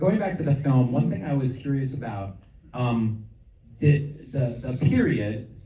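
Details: Adult male speaker; normal voice.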